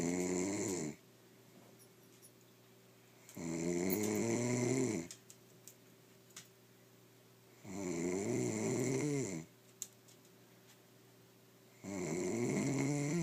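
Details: Adult snoring: loud, rattling snores on each breath in, about 14 a minute, with quiet pauses between them.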